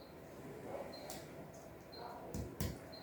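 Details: Chest percussion of an adult male patient during a nursing physical exam: a few soft, hollow finger taps over faint room noise give a resonant note, the normal sound over air-filled lung.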